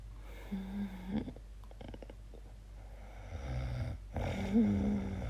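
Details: Sleeper recording own night-time noises, asking whether it is snoring or sleep apnea: irregular snoring mixed with snorts and clicking throat sounds, noisy uneven breathing in sleep.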